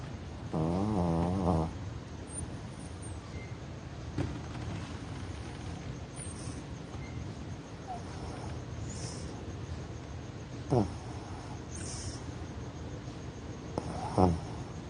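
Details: 13-year-old toy Yorkie snoring: one clear whistling, buzzing snore on a breath, then quiet breathing with faint snorts.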